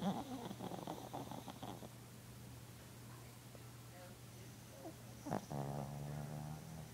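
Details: Sleeping pet snoring: low rattling, snuffling breaths over a steady low hum, with a brief sharp sound mid-way; snoring.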